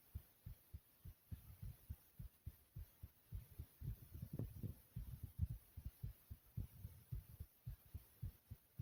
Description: in this video my heartbeat is smooth and soothing i hope you guys enjoy.